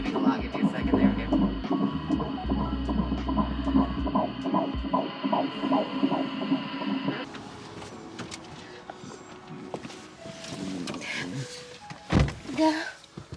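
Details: Rapid, regular whooshing pulses at about 150 a minute on a pregnancy ultrasound scan, then rustling room noise. The pregnancy was found about 8 weeks earlier, the baby is lime-sized and moving, and hiccups are mentioned: fetal heartbeat.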